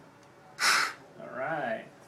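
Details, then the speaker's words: Patient's forced exhalation into a peak flow meter after a slow deep inhale, blowing as hard as possible, best of three attempts, during respiratory assessment before MDI treatment; patient reports chest tightness; forced exhalation. "what you're G to do is just take a nice slow deep inhale in and blow hard as as hard as you can just blow as hard as I can basically"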